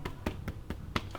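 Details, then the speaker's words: Chest percussion during a strongman athlete's pre-competition medical: six quick, evenly spaced taps on the adult chest, checking for the normal hollow resonance of the lungs. "i'm gonna do what's called percussion let's get you to get your own we're just looking for a certain sort of"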